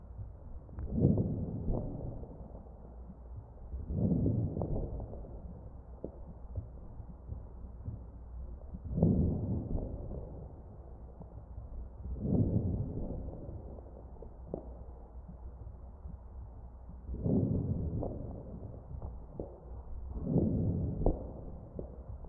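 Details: Real ventilated patient's chest recorded with an AccurSound electronic stethoscope: crackles.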